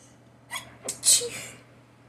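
A single adult sneeze: two quick catching inhalations, then a sharp explosive burst of air.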